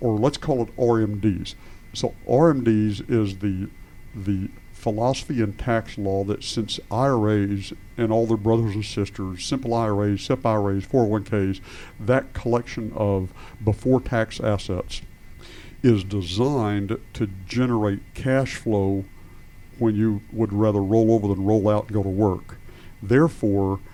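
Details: Adult male speaker; normal speech.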